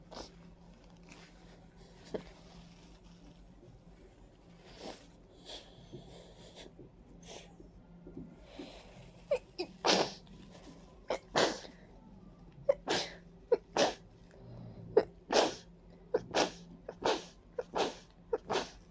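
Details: A run of about a dozen wet, congested sneezes building in strength, in a stuffy person with runny nose, watering eyes and a persistent tickle, attributed to ragweed and dust; repeated allergic sneezing.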